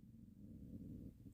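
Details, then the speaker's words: Adult woman's long, low, sustained gurgling tummy rumble likened to thunder, her stomach wanting breakfast: stomach rumble (borborygmi). "Did you hear that tummy rumble? That sounded like actual thunder. It went on for so long."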